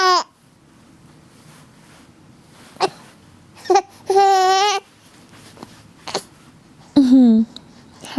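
Several sharp, abrupt catches of breath with short voiced squeaks, spaced irregularly, in a quiet room; hiccups.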